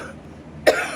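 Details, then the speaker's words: Adult with a bad lung infection and chest congestion, using a nebulizer and inhaler, not on oxygen, oxygen levels good: a single short, abrupt cough-like throat clear after a quiet pause. "it gets me clogged up down on my chest so actually my auction levels good so anyway uh so during the video you will hear me cough a little bit kind of clearing my"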